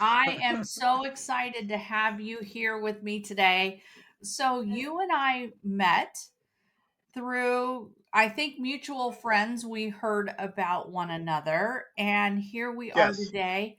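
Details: Adult woman; typical speech.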